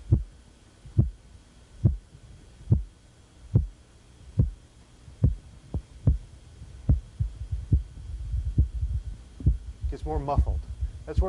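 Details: Korotkoff sounds, phase IV to V transition.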